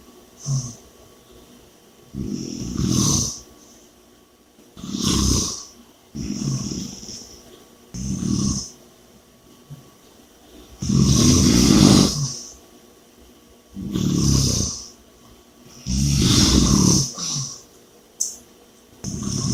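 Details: Loud, rattling snores with noisy breathing between them, about 12 breaths a minute; heavy snoring during sleep.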